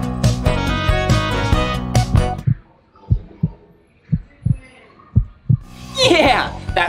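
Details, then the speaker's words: Brief music, then a few soft, regular low paired thumps, a steady heartbeat at roughly 65 a minute, presented as a toy puppy's heartbeat checked with a stethoscope in a children's museum play clinic. "I'm going to go grab all of my tools wo look a stethoscope thing to look inside his ear a thermometer yeah so let's just check his heartbeat"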